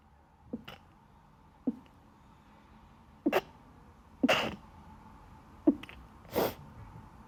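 A run of about five to six short sneezes, some preceded by a quick inhale, from allergic sneezing.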